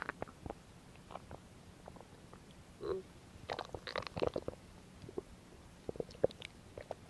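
Quiet gurgles, pops and a brief low rumble from the belly: ordinary stomach growling, a normal bowel sound.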